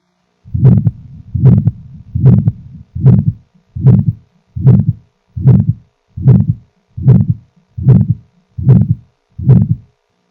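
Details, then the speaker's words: Regular heartbeat at about 75 a minute with a soft first heart sound and a murmur-like sound between beats, played in a paediatric lecture as aortic stenosis. "First heart sound is soft. First heart sound is soft. It's heard."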